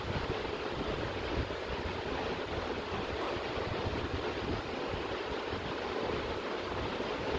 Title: Infant Baby || newborn baby Suction process and baby sleeping during process